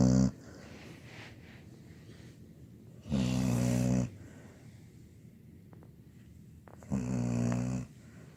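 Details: 17-year-old female labradoodle snoring in sleep: loud, rough, rattling snores about a second long, roughly every four seconds, with quiet breathing between.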